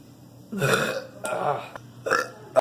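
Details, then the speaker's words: Three drawn-out, voiced burps in a row over faint room noise, from a teenager after drinking soda; belching released by carbon dioxide gas from the soda. "to go somewhere, so that pressure is released as a burp."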